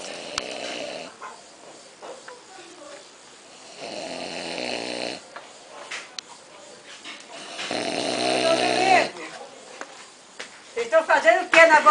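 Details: Loud, rough inspiratory snoring repeating every few seconds, with family voices and room noise; an older man, a father and father-in-law, asleep after lunch; snoring.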